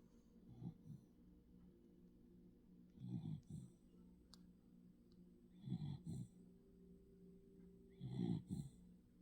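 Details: Sleeping dog snoring: soft rumbling snores, about four breaths in nine seconds, each with a fluttery snort on the in-breath.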